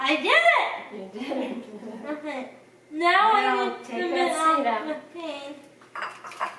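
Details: Dysarthria in a person with cerebral palsy who cooks independently with limited help.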